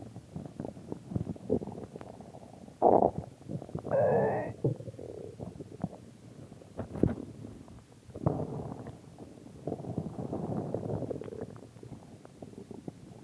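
Irregular gurgling and rumbling stomach noises with a few louder squeaky gurgles, ordinary stomach growling from gas and fluid moving through the gut.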